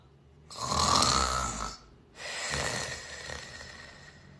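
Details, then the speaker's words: Two loud, harsh snores in quick succession, the kind of heavy snoring described as likely indicating obstructive sleep apnea syndrome. "si conoces a alguien que ronca de esta manera muy posiblemente esa persona tiene una cosa que se llama síndrome de apnea obstructiva del sueño"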